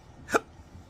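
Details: A single abrupt hiccup over light room noise, from an adult man with chronic hiccups.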